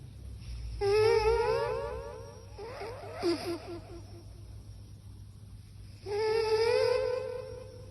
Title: Cat snoring through echo microphone